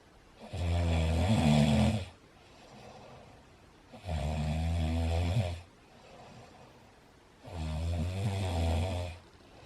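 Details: Adult man snoring while a new Bengal cat tries to take a daytime nap: loud, deep rattling snores on each in-breath about every three to four seconds, quiet exhalations between; heavy snoring.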